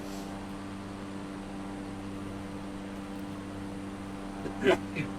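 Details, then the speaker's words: Over a steady engine-like hum, a single abrupt, loud adult sneeze near the end, followed by a faint smaller sound; the sneezer jokes about being allergic to the river. "Oh, excuse me if you could hear that sneeze. My goodness, I'm allergic to this river apparently."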